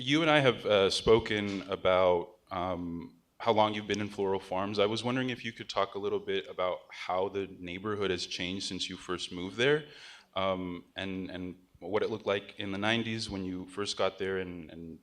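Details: Adult male speaker; Normal voice.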